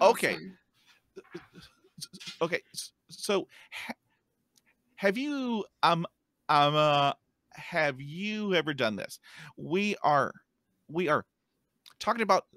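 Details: Real stuttering in an adult man who stutters, heard while hosting a podcast about life with stuttering; stuttering.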